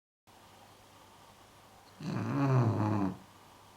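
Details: An English bulldog snoring: a single loud, rattling, snorting snore about a second long from a short-nosed dog.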